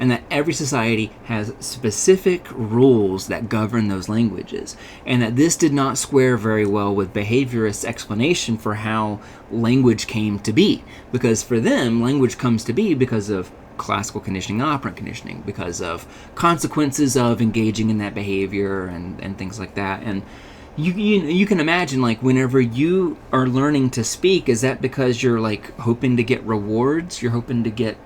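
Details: Adult male speaker; normal speech.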